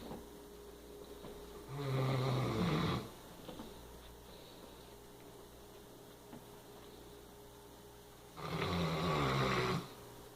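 Two long, deep, rumbling snores separated by quiet pauses, the steady rhythm of a dog snoring in sleep, with faint room hum.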